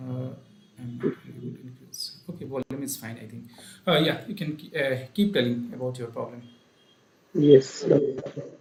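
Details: Adult male speaker; normal voice.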